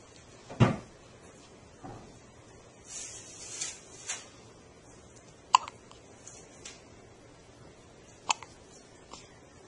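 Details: Sharp, abrupt little gulping sounds recur every few seconds, about four clear ones, with soft breathing and faint room noise between them: hiccups.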